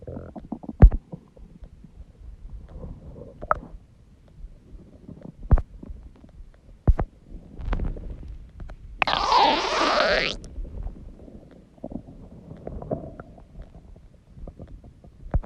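Low gurgles and rumbles with scattered pops and one longer squeaky burst: loud stomach growling, ordinary bowel sounds.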